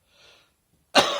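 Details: Summer-morning allergic cough, with airborne particles in warm weather tickling the throat and chest: a soft breathy sound, then one sharp, loud cough burst.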